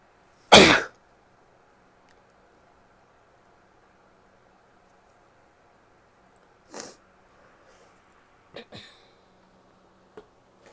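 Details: A female in a quiet room gives one loud explosive sneeze, then a few softer, brief coughs, with a nose blow towards the end; cough.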